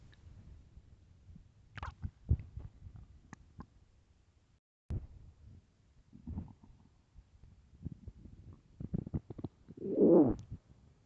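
Loud gurgling and rumbling stomach growls in bursts with quiet gaps, typical borborygmi of an empty stomach.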